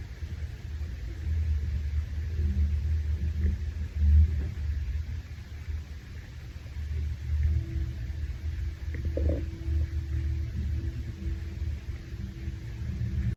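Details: Hungry male after a shower: continuous low rumbling and gurgling with drawn-out tonal groans throughout. Stomach growling (borborygmi).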